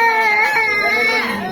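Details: Single sustained, loud, wailing infant cry with a slight fall in pitch at the end.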